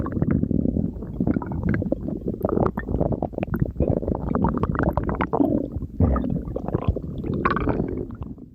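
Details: Stomach growling: continuous low gurgling and rumbling with bubbling swells as gas and fluid move through the gut; borborygmi.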